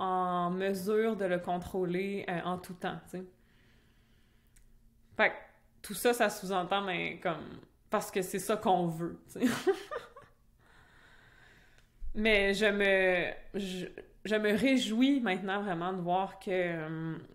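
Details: Adult woman who stutters, speaking French; stuttering.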